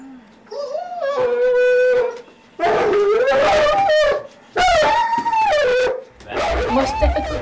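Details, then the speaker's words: Long, loud, wavering howls repeated several times from an epileptic dog having a seizure. He had lungworm in his brain, became unstable overnight, and has had Valium and intravenous phenobarbitone to stop the fitting. "he's an epileptic cuz he had lungworm in his brain um and he's come unstable overnight okay can I help him so we're trying to stop him fitting"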